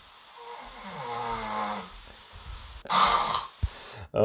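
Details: Adult's own overnight sleep recording: snoring with a rough, buzzing inhalation, followed by a louder burst and a brief snort.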